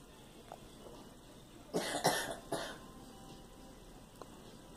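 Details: Girl coughing: a short run of three coughs against quiet room noise.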